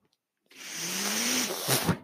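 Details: The podcast host's own mechanical ventilator, audible behind his speech as he introduces himself: mechanical ventilator noise.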